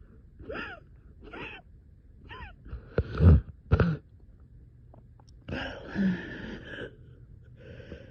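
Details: Coughing fit at 3am, strained wheezy gasping breaths, then a couple of sharp coughs and a long rough exhalation, with reported shortness of breath.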